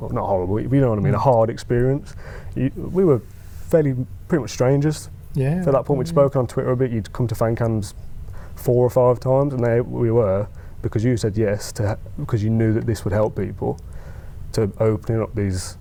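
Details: Adult man who stammers, giving a talk on stammering; stammering (stuttering).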